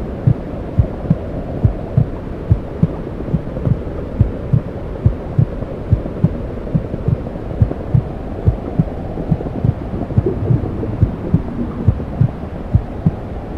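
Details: Womb sounds played for 10 minutes to help a newborn sleep: steady, low, whooshing rumble with soft rhythmic thumps of the mother's heartbeat, muffled as heard in utero.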